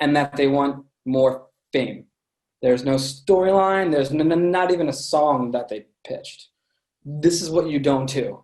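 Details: Adult man with a lifelong stutter present since birth, which he says listeners can hear; stuttering.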